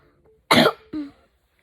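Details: Single loud, harsh cough then a shorter voiced throat-clearing in a quiet room, from an ill girl with a temperature around 37 °C who feels chilled and has a cough.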